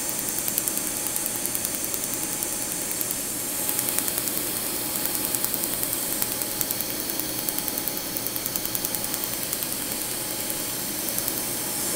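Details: Laser tattoo removal of a scripted-name tattoo on the upper back at a clinic: rapid sharp snapping clicks, about 150 a minute, over a steady hiss as the laser fires pulses; the patient says they are okay.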